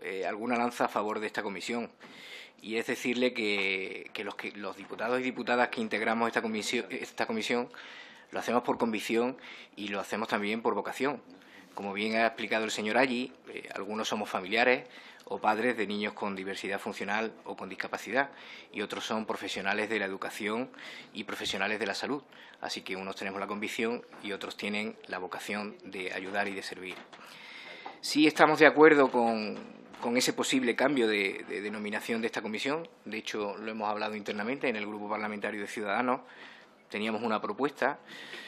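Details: Adult male speaker; typical speech.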